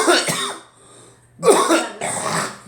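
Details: Adult with flu-like illness, in the chest and with a sinus infection, per own account; three harsh, throaty, congested coughs, the first two close together, then a pause and a third.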